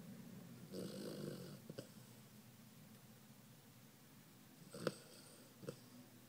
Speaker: I didn't know a dog can snore.